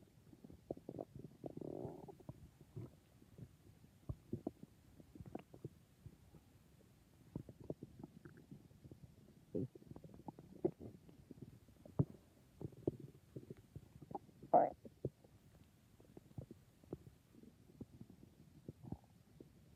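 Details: Stomach growling (borborygmi): irregular gurgling, bubbling and rumbling gut noises with louder bursts scattered throughout.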